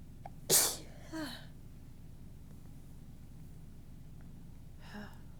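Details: One sharp but fairly soft tickly sneeze, then a quieter breathy sound and a faint exhale, from an adult rambling on camera in the morning; ordinary sneeze.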